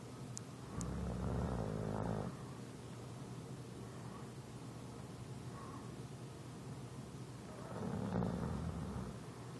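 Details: English Bulldog snoring: loud, rumbling, vibrating snores on breathing in, about two in under ten seconds, over low room hum; snoring.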